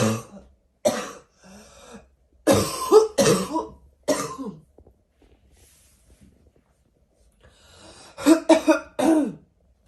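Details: Several loud, harsh barking coughs in two clusters with quiet gaps.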